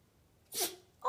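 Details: A single short snorting sneeze from a Yorkshire terrier with allergies, part of a repeated sneezing fit; the dog was looking at a light.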